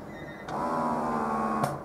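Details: Autumnz Passion double electric breast pump running: a steady mechanical motor hum with a soft click at start-up.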